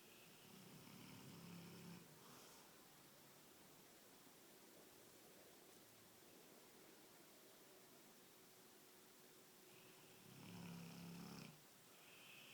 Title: Cane Corso Snoring!